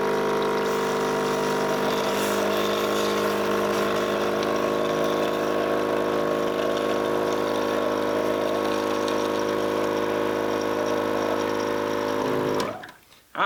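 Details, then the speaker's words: EMS training demonstration: portable suction unit switched on for airway suctioning, no longer than 15 seconds; steady droning motor hum with a fast pulsing rattle, about four beats a second, then abrupt shut-off. "so we go ahead flip on my suction unit and I'm gonna apply suction for no longer than 15 seconds"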